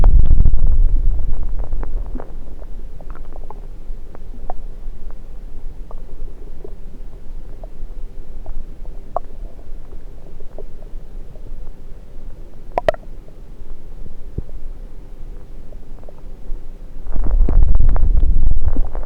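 Low gurgling and rumbling with scattered clicks and a few louder bursts through a stethoscope on the belly: ordinary active bowel sounds.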